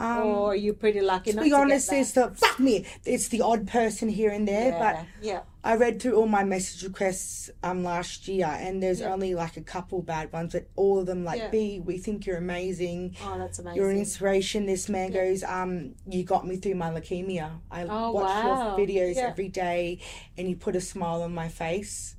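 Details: Adult woman with lifelong severe Tourette syndrome diagnosed at age five, real, sudden swearing vocal tics interrupting speech; Tourette syndrome vocal tic (coprolalia).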